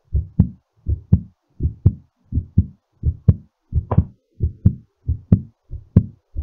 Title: exercise recovery heartbeat